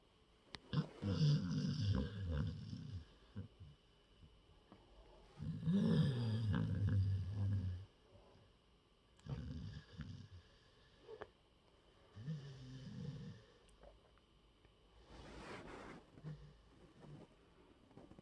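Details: Animal snoring while asleep in a person's lap: low rattling snores in repeated bursts separated by quiet pauses.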